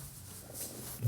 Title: Stomach growl 40